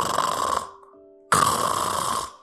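Two harsh, rattling open-mouth snore sounds with a brief musical pause between them; an imitation of mouth-breathing snoring from a blocked nose.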